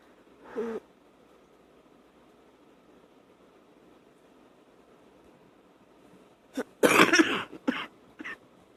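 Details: Night wet cough on awakening, with coughing and spitting up: a brief throat sound, a pause, then a loose phlegmy cough burst with a few short follow-up coughs.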